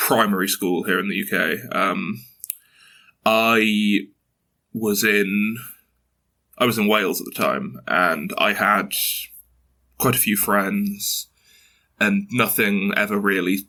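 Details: 22-year-old man who has stuttered since early childhood, mother also stutters, reports blocks and repetitions; stuttering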